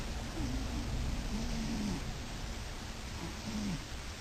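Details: Nearly 7-year-old adult male cat snoring peculiarly while asleep.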